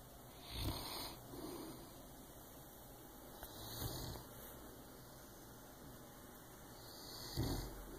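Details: Soft snorting snores during sleep, three in eight seconds, over steady room hiss.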